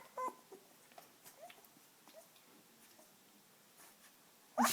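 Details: A 19-day-old Dalmatian puppy's first sneeze: soft squeaks and snuffles, then one sudden sharp sneeze burst at the end, after which the puppy falls over.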